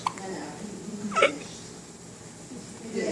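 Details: Young baby boy with hiccups: a single brief, abrupt catch in the breath against soft room noise and nearby voices; a hiccup.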